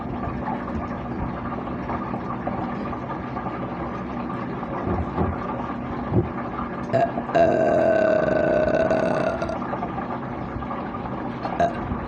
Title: me burping part 2